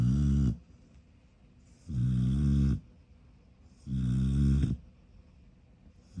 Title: She was snoring so loudly! I didn’t mean to wake her lol